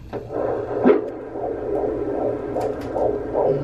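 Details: Fast, regular whooshing fetal heartbeat on Doppler, about 140 beats a minute, heard at a prenatal doctor's appointment, the first time the parents hear their baby's heartbeat.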